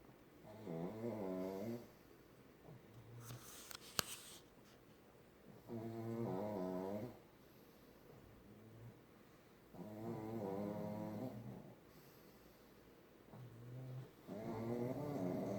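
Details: Pugs snoring together: rhythmic, rattling snores, roughly 14 a minute, with quieter breaths between and a brief click partway through.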